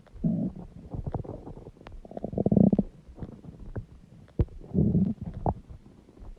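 Loud, gurgling, rumbling bursts from the belly at irregular intervals, the ordinary growling of gas and fluid moving through the gut.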